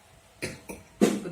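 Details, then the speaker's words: Adult woman with a cough for seven months, lungs said to be somewhat dirty, during a traditional treatment session: three dry, unproductive coughs in quick succession, the last the loudest; dry cough. "Nggih ngeten to saking Satu ya. Batuk kering."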